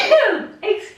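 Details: A single sneeze from an adult woman during a gentle seated yoga practice: a voiced drawn-in onset followed by a sharp airy release.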